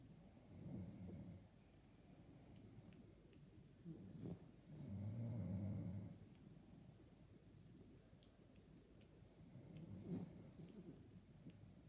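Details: Low, rumbling snores with slow breathing and occasional snorts, roughly three breath cycles heard, keeping the listener awake; ordinary snoring.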